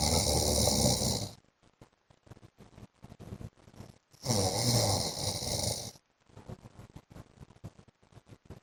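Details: Loud, harsh rattling snores lasting one to two seconds each, separated by quiet breathing with small clicks: heavy snoring by an adult man (husband) in sleep.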